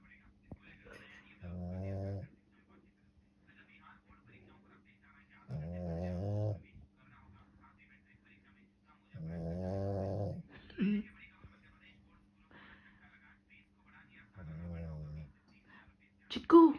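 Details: A sleeping dog snoring: four rough, rumbling snores spaced a few seconds apart, with a faint hum in the room; ordinary snoring.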